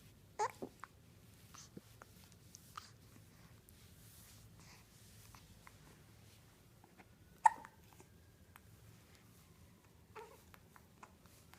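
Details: Hiccups during playtime while being encouraged to push with legs: sharp brief isolated bursts, about four in eleven seconds, over quiet room noise.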